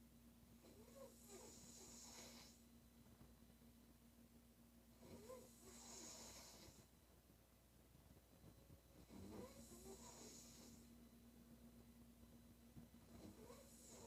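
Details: Female sleeper snoring: rough, rattling snores on each in-breath, about 15 breaths a minute, over a steady low room hum.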